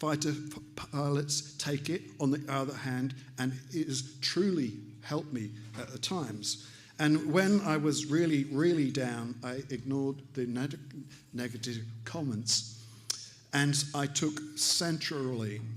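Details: Adult man, stroke survivor with aphasia, about three years post-stroke and still relearning to speak; aphasia.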